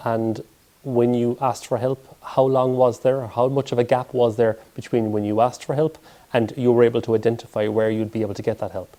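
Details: Adult male speaker; typical speech.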